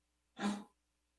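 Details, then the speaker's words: A single short, harsh, breathy burst from a pet dog in the background, faint in a quiet room: dog cough. "sorry if you can hear that that's my dog coughing"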